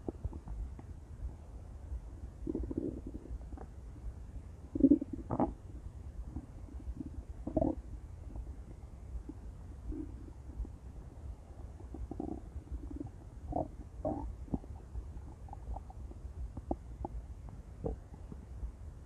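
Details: Female with repeated low gurgling and rumbling bowel sounds over about 19 seconds; intense stomach growling, borborygmi.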